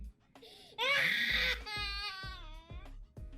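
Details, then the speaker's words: Infant with laryngomalacia on laryngoscopy, floppy supraglottis collapsing inward: crying and fussing with high-pitched, squeaky inspiratory stridor, the most common cause of stridor in infants. "another example look at how everything flops in and note the strider here is yet another example"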